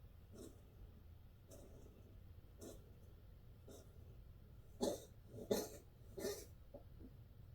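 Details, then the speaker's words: A feral cat gives a run of about seven short, raspy hacking coughs, softer then louder, over faint room noise, after already coughing for about 20 seconds before recording; repeated coughing. "She was coughing like that for a good 20 seconds before I started the video."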